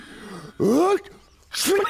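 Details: Cartoon character Doodles from Tweenies sneezing, an acted sneeze: two voiced, sneeze-like bursts, each an inward build then a sharp release; sneezing.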